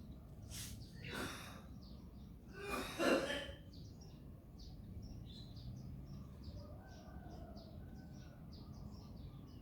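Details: About three short coughs from an adult behind the scenes, with birdsong and low outdoor noise in the background.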